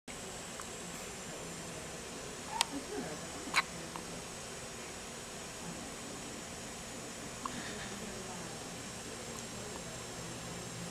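A few sharp, brief click-like hiccups stand out over a steady hiss of room noise.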